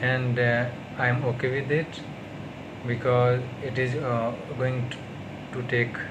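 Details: Stuttering in an adult man on day 38 of speech therapy.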